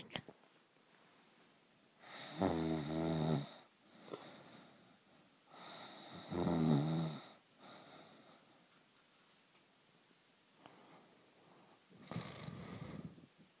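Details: Family member sleeping and snoring: loud, buzzing snores on breathing in, about every four seconds, with quieter breaths out between them.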